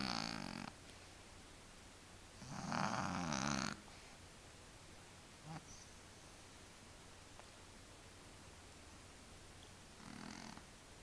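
A few soft, rattling snores from a sleeping cat, spaced irregularly against a steady room hiss; cat snoring.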